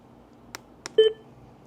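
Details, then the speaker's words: AED training demonstration with child mode just activated: two faint clicks, then a short electronic beep, the device's prompt tone after its voice instruction to remove clothing from the unresponsive patient's chest. "The next audible prompt that I receive from the device is informing me to remove the clothing from the patient's chest."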